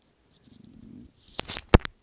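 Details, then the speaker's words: A soft, low gurgling rumble lasting under a second, a young woman's hungry stomach growling before she sings, followed by rustling; she says her stomach is rumbling and she is probably hungry. "やばい、めっちゃお腹鳴ってる。帯してるとお腹空いてるの気づかないけど、多分今私はお腹が空いている。お腹が鳴りました。"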